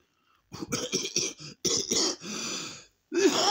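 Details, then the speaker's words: A run of about six rapid, harsh coughs, a drawn-out rasping breath, then another cough, from a person who had just bought cigarettes; a repeated smoker's-type cough. "if I carry on coffein like that I'll be in one"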